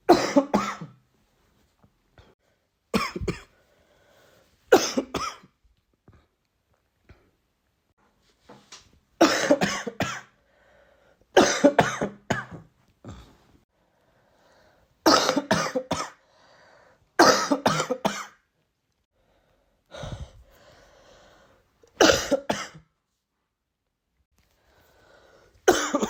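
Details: An adult with a recent common cold coughs in about a dozen short bouts, single or in quick runs of two or three; the cough lasted only a few days.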